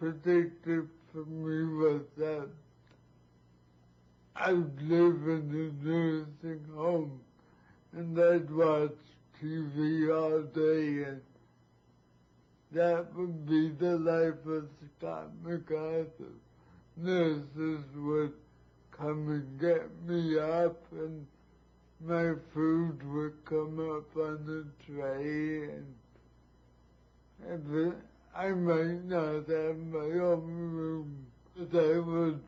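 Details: Adult man with severe cerebral palsy affecting virtually all his muscles, types with a mouth stick and needs help with all basic needs; dysarthria (cerebral palsy).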